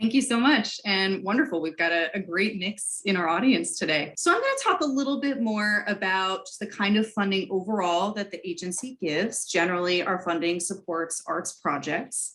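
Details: Adult woman; typical speech.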